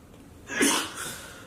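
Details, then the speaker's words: Man during a rapid sneezing attack: a single sharp, explosive sneeze with a quick intake before it. "have to do a counter yeah he sneezes like I think the record is 13 times"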